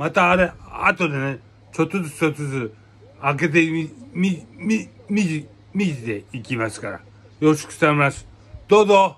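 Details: Aphasia in a man, with hemiplegia and paralysis after brain hemorrhage per hashtags; aphasia.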